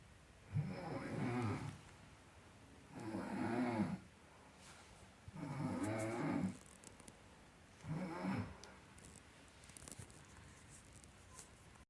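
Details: Low rumbling snores on each breath, four in twelve seconds, about 20 breaths a minute, with soft room hiss between: snoring.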